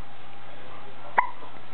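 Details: One brief, sharp hiccup-like click over a steady low hum; hiccups.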